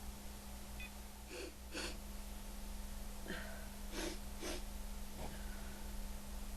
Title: Sneezing in Threes